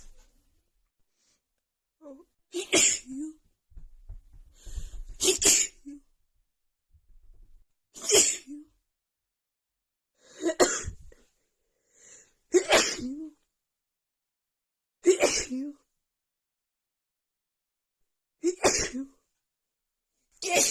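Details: Female with a cold and unbearable nasal tickle: a run of about eight forceful sneezes with short breaths between; a sneezing fit during a cold.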